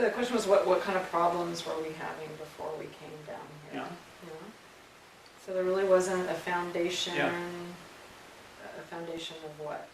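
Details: Adult speaker; ordinary conversational speech.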